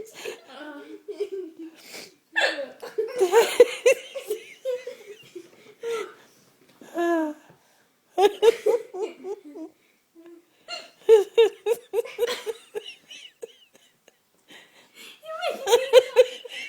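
Sharp, abrupt hiccup sounds mixed with laughter and giggling, in a quiet room.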